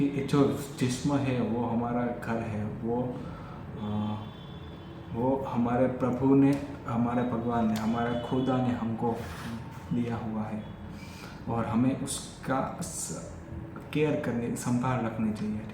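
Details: Adult male who has stammered since childhood, doing an unscripted Hindi sentence-making exercise during daily stammering practice — stuttering.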